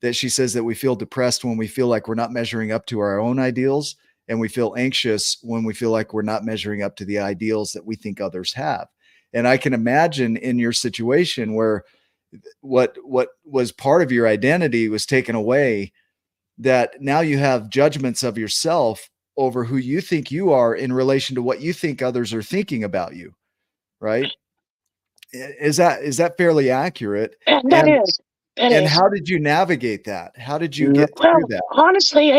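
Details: Adult male speaker; no voice disorder.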